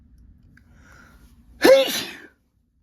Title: Strong spray sneezes and nose blows